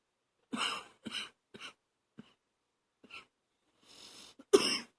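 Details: Night-time coughing by a person whose phlegm makes them gag, nearly to vomiting; productive wet cough.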